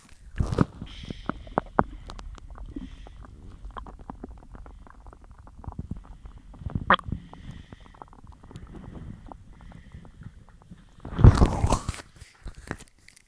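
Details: Low gurgles and rumbles from a bloated belly, with a louder churning burst near the end, after a massive lunch of cheese-loaded pasta and a large chug of milk while dieting; stomach growling.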